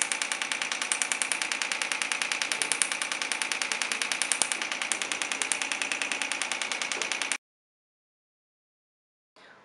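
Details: Rapid, very regular sharp tapping pulses at about 200 per minute for seven seconds, then silence: a shock wave therapy device firing acoustic waves used to treat musculoskeletal disorders.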